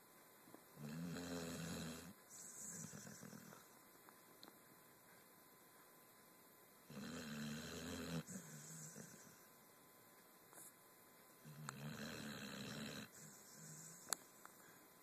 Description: My two year old pitbull snoring, she is so cute